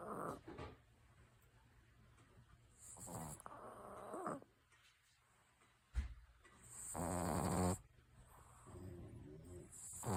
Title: My new dog snoring